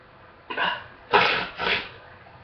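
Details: Three harsh, wet-sounding cough bursts in quick succession in the morning during an illness, while waiting for medication to take effect; the cough is improving except in the mornings.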